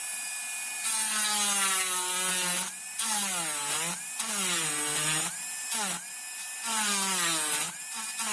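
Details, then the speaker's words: Dental high-speed handpiece on a typodont mandibular first molar (#36), full veneer crown preparation, cutting lingual depth orientation grooves: steady high-pitched whine dipping and recovering in repeated passes. "So for the lingual, again, you have to make depth orientation grooves, same like the buccal surface."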